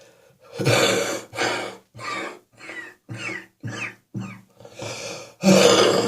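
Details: A run of about nine harsh, strongly voiced cough bursts in quick succession, some with rising or falling pitch: cough.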